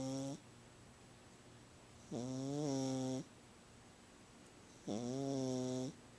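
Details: Pet cat that snores whenever she sleeps, louder than usual today: loud, tonal, buzzing snores with each breath, about 22 a minute, separated by quiet pauses.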